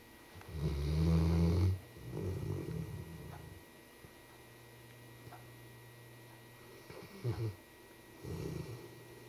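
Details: Sleeping Labrador dog with a pacifier: low rumbling snores and snuffles with softer breaths between them; ordinary snoring in sleep.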